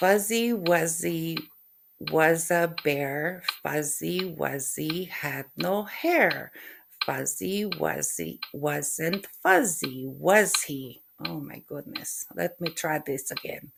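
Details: Adult woman with post-stroke aphasia, who also reports functional neurological disorder (FND), practising a tongue twister with a metronome, with errors and a retry; aphasia.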